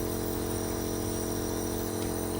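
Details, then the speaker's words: Newly unboxed nebulizer machine switched on during setup demonstration for steam inhalation through a mouthpiece: steady, continuous mechanical buzzing hum of the compressor with no pauses. "ठीक है दोस्तों, ये हमने इसमें लगाया और मशीन को ऑन किया। इससे हम अपने मुंह में भाप ले सकते हैं ऐसे।"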